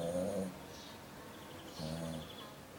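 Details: Dog snoring: two rough, buzzing breath sounds about 1.5 seconds apart; snoring.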